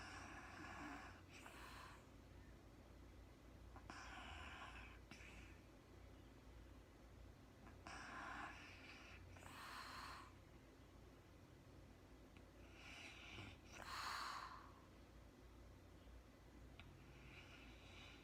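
Recurring rattling snores on breaths during sleep, with quiet room noise between them.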